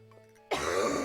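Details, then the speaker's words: Adult streamer coughs during a live-streamed game, with quiet game music behind: a sudden loud single cough burst that carries to the end. "oh if y'all can still hear these coughs since hurting your ears please let me know and I'll move the mic or do something to help with that"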